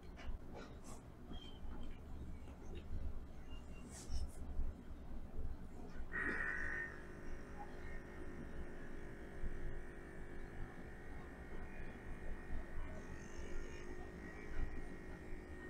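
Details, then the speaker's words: OMRON automatic upper-arm blood pressure monitor on a person diagnosed with high blood pressure, at home; start beep then steady cuff-pump motor hum inflating; reading 136/81. "So selepas dah pakai dekat lengan, kau orang tekan start sp."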